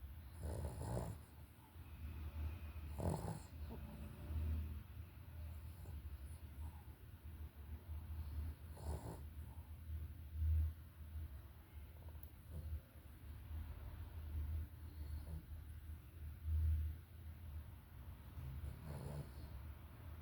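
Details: Low, rumbling snores from a napping dog, about ten breaths a minute, with some room noise; ordinary snoring.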